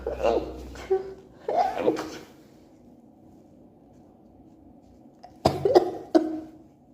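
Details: Allergy sneeze attack: two bursts of sneezes, a pause, then another pair of sharp sneezes in a quiet room; repeated allergic sneezing fit.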